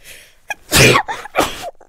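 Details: Adult woman takes a short breath in, then gives two forceful sneezes, the first louder, after using chhinkni sneezing powder during a spoken monologue.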